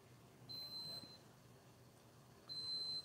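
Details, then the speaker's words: Enteral feeding pump alarm while a special-needs child is on a tube feed: two high, steady electronic beeps in a quiet room, stopped once the pump was fixed. "Sorry about the beeping. Luke's on his feed. If you don't know, Luke is my special needs son, and he has a feeding tube, and he's on the pump right now, so he fixed it."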